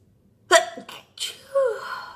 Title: Birthday sneezing